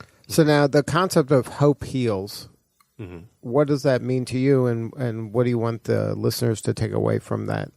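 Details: Adult man, podcast host; normal speech.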